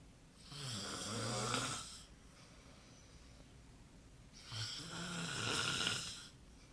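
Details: Snoring.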